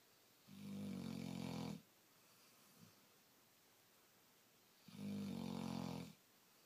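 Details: Sleeping female black Labrador, tired after a late night: two long, low, rumbling snores with a quiet pause between; ordinary snoring.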